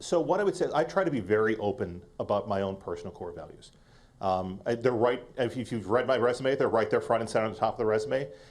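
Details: Adult man speaking; typical voice.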